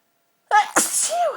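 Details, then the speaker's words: A single sharp sneeze with a brief voiced lead-in and a burst of air, one of repeated allergic sneezes from a dust allergy set off by a marathon cleaning session. "when I sneeze I get tingles running down my spine and although my legs show it feels so good I've always had a physical reaction to my own sneezes"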